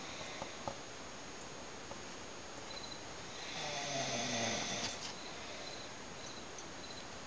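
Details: Mother snoring early in the morning (6:40): one soft, rumbling snore mid-clip over steady background hiss and faint beeps; ordinary snoring.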